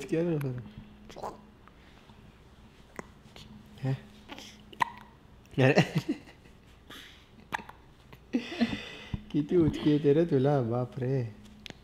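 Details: Baby girl irritated by her own hiccups: repeated short, abrupt hiccups mixed with fussy whimpering and cries, an adult talking softly nearby.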